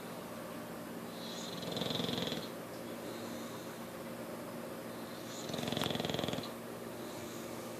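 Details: English Bulldog snoring during sleep, as it does regularly: two loud, rattling, fluttering snores about four seconds apart, with a quieter rough sound between them.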